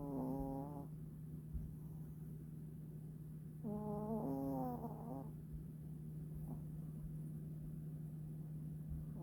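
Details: Sleeping pet cat snoring: soft, buzzy snores with each breath in, two clear snores in nine seconds over a steady background hum, used as calming white noise.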